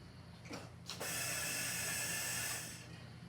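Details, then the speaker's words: Mallard 2800 anesthesia ventilator, respiratory rate 20, inspiratory time set to 1.5 seconds: mechanical click, then steady hiss of gas about one and a half seconds as the bellows push down; inspiratory breath. "so now it's pushing down for one and a half seconds"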